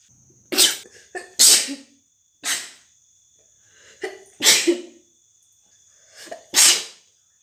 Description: sneezes her wet cute sneezes and let them out rapidly in no time at all